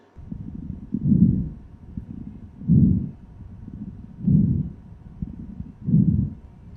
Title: Healthy lungs and heart sounds